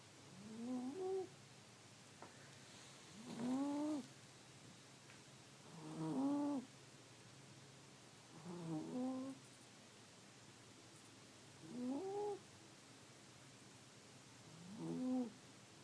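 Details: Sleeping cat lying in front of a heater on a cold winter night: six soft, tonal snores, one on each inhalation, about 22 breaths a minute, over a faint steady hum.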